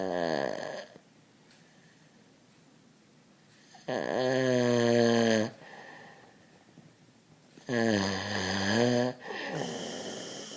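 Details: Loud, rattling snores on each in-breath, about one every four seconds (roughly 15 breaths a minute), with quiet pauses between.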